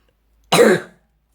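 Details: Elementary-school child folding paper: a single short, harsh cough in a quiet room: cough.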